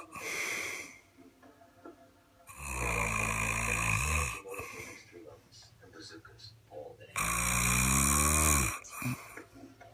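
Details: Person snoring: deep, loud vibrating snores on each inhalation, about 14 breaths a minute, with quieter exhalations between; heavy snoring.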